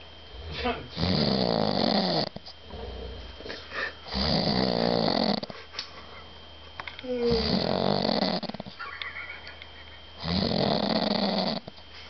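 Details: Person snoring in a shared room at a car festival: loud, rattling snores on each breath in, about four in twelve seconds, with a faint room hum; snoring.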